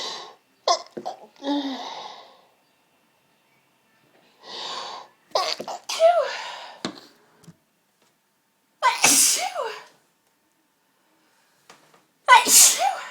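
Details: Sneezing after clearing up a smashed pepper pot: bouts of gasping build-up breaths followed by several forceful, explosive sneezes separated by silent pauses; repeated pepper-induced sneezing.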